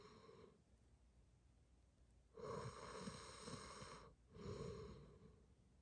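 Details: Snoring ASMR: two rough, buzzing breathing sounds after a quieter one, over low room noise; ordinary snoring of moderate loudness, described as not that loud on this day.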